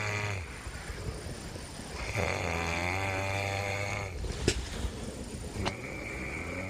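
Low, droning snore with a fluttering buzz through the breath and faint room noise.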